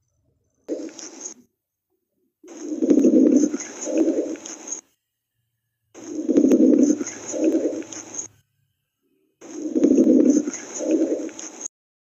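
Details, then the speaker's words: Recorded chest auscultation: regular breath cycles, about 17 a minute, with coarse, rough popping over each breath, attributed to fluid in the airways and likened to stepping on dry leaves; crackles. "los ruidos crepitantes se deben a que existe agua algún tipo de líquido dentro de los ayunos ese ruido va a ser muy similar al de un vaso con agua ingresando un shop un sorbete y soplar también puede sonar como pisar hojas secas"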